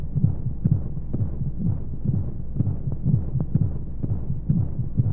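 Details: Womb-sound sleep aid for babies: fast soft heartbeat thumping, about 120 beats per minute, under a steady whooshing white-noise hum of flowing sounds, as heard from inside the womb.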